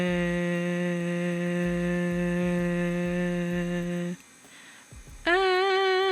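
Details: Adult phonating during laryngoscopy; normal voice (good vocal fold closure).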